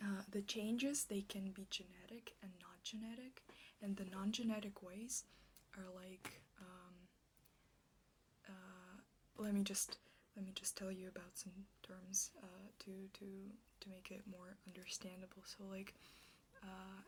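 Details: Stuttering with part-word and whole-word repetitions, in an ASMR clip presented as a stuttering roleplay; the speaker states she stutters like this in real life.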